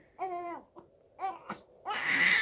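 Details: Baby girl, tired and due for a nap, put in a swing while mother tries to let her cry it out: short fussy wails with brief catching breaths, an ordinary protest cry.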